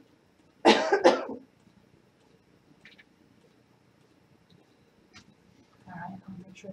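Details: Cough from a standardized patient in a simulated pre-operative scenario, a patient with a history of asthma who feels a little tight from nervousness.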